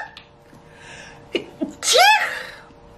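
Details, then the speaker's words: A person with a cold sneezing: a couple of short breathy catches build into one loud, sharp sneeze with a voiced tail. "next on the pile is this scarf from H&M I actually picked up a pretty similar one from a sauce I'm gonna sneeze"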